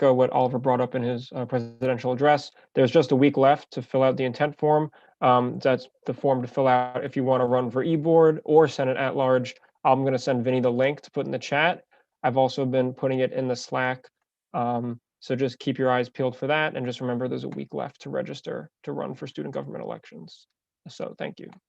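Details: Adult speaker; Ordinary speech.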